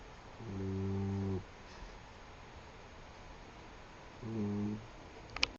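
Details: Two low, rumbling snores about four seconds apart over steady background hiss; snoring.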